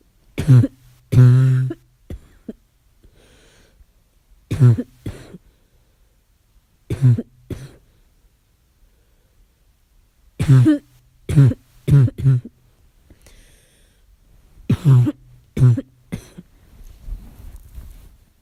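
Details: Child's harsh, low, voiced barking cough in short clusters at night.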